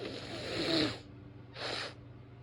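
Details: Female nose blowing after a few sneezes: two loud rushing, hissing bursts of air through the nose, the first longer, over low room hum; poor sound quality.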